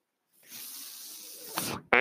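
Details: Mechanical ventilator breath sound heard while its user speaks.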